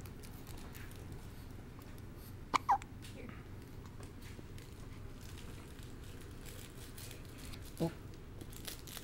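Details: Child recorded July 24, 2008: quiet room with three brief sharp catches of breath, two close together and one later; hiccups.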